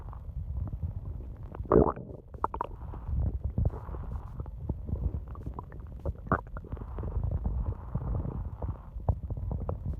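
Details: Long stomach growling at night from an adult's belly: continuous low rumbling and gurgling with intermittent squeaky bursts, ordinary borborygmi.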